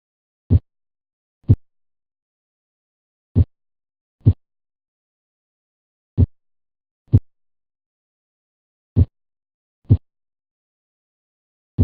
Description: Also remember that the S1 (lub) and S2 (dub) sounds together count as only one beat.